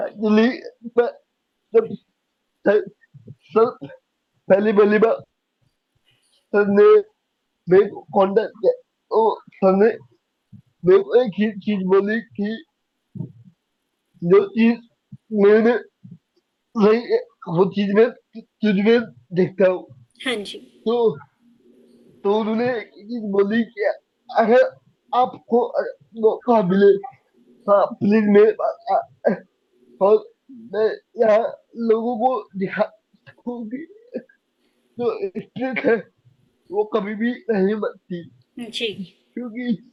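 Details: Young adult man with cerebral palsy diagnosed at age 2, unable to speak as a child, still needing double effort to speak clearly; dysarthria (cerebral palsy).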